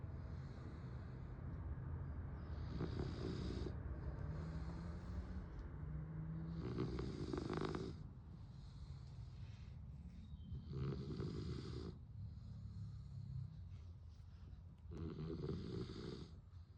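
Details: Sleeping dog snoring in steady, low rumbling cycles at about 14 breaths per minute; snoring.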